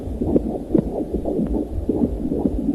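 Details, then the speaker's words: Fetal heartbeat on ultrasound at a pregnancy center: rapid, regular whooshing pulses, roughly 150 a minute. "That sound of a heartbeat and the sight of the baby snuggled inside has convinced so many women to choose life."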